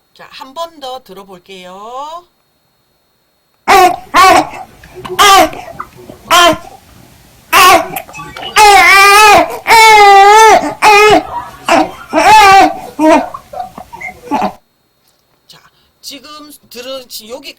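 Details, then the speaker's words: Fussy, whining newborn cry in short rising and falling bursts with brief pauses: a discomfort cry meaning the baby has gas and wants to burp. "들어보시면 애하고 좀 찡얼거리는 소리가 지나요 한 번 더 들어볼게요 자 들어보시면 지금 어 나 지금 트림하고 싶어요 가스 찼어요 약간 요런 소리로 해석하시면 돼요"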